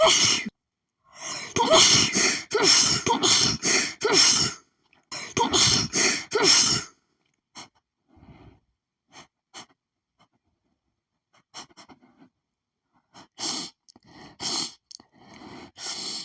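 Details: Person who lately sneezes at nearly every perfume scent: a fast run of short, sharp, hitching sneezes in bursts, then scattered softer sneezes and breaths; a rapid allergic sneezing fit.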